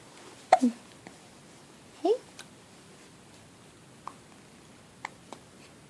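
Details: An infant boy with hiccups: two short, squeaky, voiced hiccups about one and a half seconds apart, with faint clicks in a quiet room.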